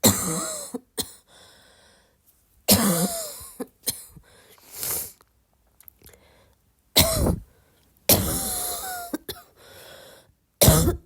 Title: how would you describe my cough?